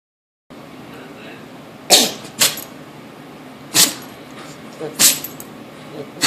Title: My dog sneezing